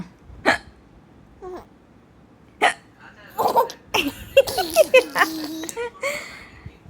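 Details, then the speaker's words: Young girl has hiccups: short, sharp voiced catches at irregular intervals, mixed with laughter and background chatter as counting is chanted. "1 2 3 হিচকি আসছে। হিচকি আসছে।"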